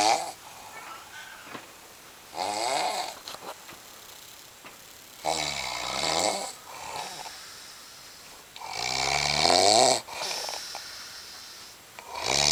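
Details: Loud, rattling snores on each breath in, about 17 per minute, recorded in a small quiet room; snoring.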